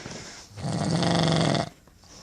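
One long, loud rattling snore on a breath in, lasting about a second; ordinary snoring.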